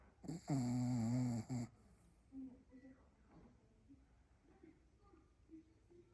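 One loud, rough, buzzy snore, followed by quiet breathing in a small room.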